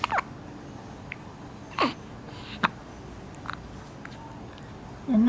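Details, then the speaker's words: A baby gives brief, sharp, repeated gulping catches, about four in five seconds, over quiet room noise, while a caregiver comments soothingly. Hiccups. "好厉害哦，好会打嗝哦。"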